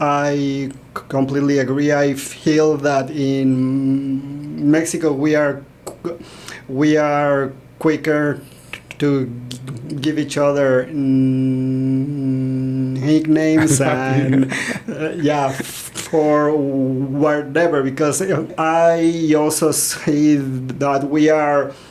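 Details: Stuttering in a man in his 40s, born in Mexico and living in Texas; he noticed it around age five or six, his father also stutters, and he believes it runs in the family.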